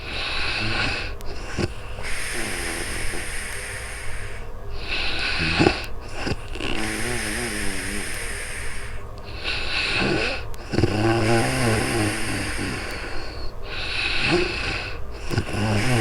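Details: Adult sleeping in real time, recorded with a new microphone: repeated rattling snores on each breath with hissy exhalations over a faint background hum; snoring.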